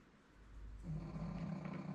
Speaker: That's my dog snoring if you uh if you can hear that.